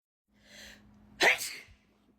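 A brief in-breath followed by one sharp explosive sneeze.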